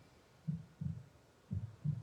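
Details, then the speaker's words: Two regular lub-dub heartbeats, soft low thumps at about 60 a minute, played as background sound during a guided breathing meditation. "so hearing the sound of the heartbeat paying attention to our breath"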